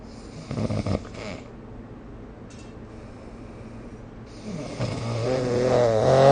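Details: Rough, fluttering breathing noises during sleep, building to a loud, rattling snore at the end; ordinary snoring recorded with the SnoreLab phone app.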